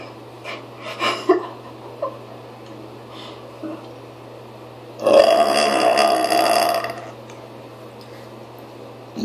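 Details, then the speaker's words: Person feeling sick to the stomach, with stomach pain, deliberately trying to burp in a car: brief sounds early, then one loud, drawn-out, rumbling belch of about two seconds over steady car noise. "I'm going to try to burp my stomach hurts but I'm going to try"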